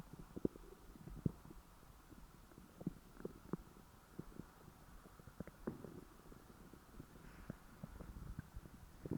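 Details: Stomach growling after overeating, continuous low gurgling and rumbling with frequent small pops; bowel sounds.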